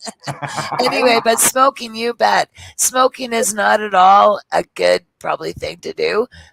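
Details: Adult woman with dysphonia after emergency throat surgery a couple of years ago; she could not talk at all afterwards and her voice is only now coming back; others assume it is from smoking cannabis.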